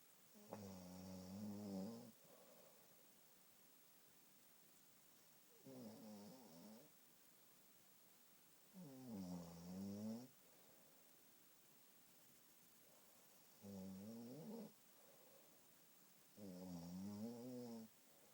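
Five loud rattling snores, about 8 a minute, each during breathing in, separated by quiet breathing out.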